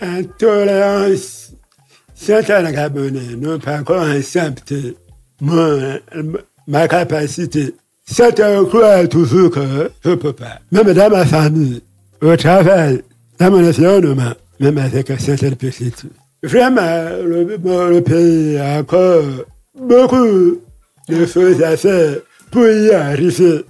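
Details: Man deaf since childhood after an illness and hospital visits, lip-reads; he says his voice has not sounded normal since a throat operation as a child in paediatrics; real French speech; deaf speech with hypernasality.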